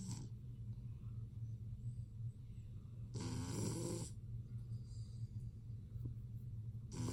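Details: Lilac male BearCoat Shar-Pei puppy sleeping, with a steady low rumbling snore broken by a louder snorting breath; snoring.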